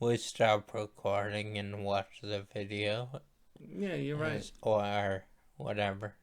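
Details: Post-stroke speech impairment in a male stroke survivor, who attributes his voice to his stroke.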